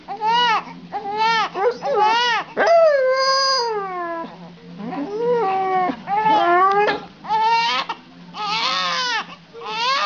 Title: Dog Sings When the Baby Cries